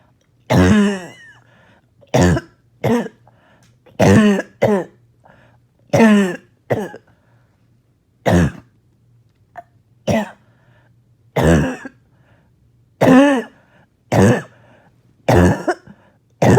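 Harsh, barking coughs, about fifteen in short bursts and pairs, with a wet, phlegmy quality; a productive barking cough.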